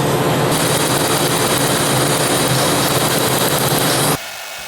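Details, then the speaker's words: Tattoo laser removal session, one of many over a 3.5-year process: loud steady rushing roar of a cold-air ("ice") cooling unit with rapid laser pulsing, stopping abruptly; she says the cooling hurts more than the laser. "I am going to get my tattoo lasered again here we go the ice actually hurts more than the laser"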